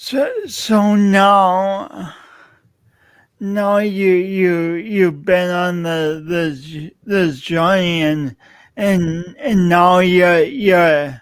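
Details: Adult man with a self-described speech impediment of unnamed type; stuttering-like disfluency; speech impediment.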